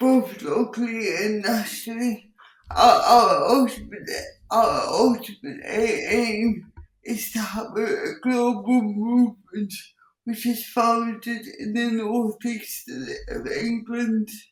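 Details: Speech impairment in an adult woman with cerebral palsy who says her speech is impacted; she also has involuntary movements and uses a wheelchair.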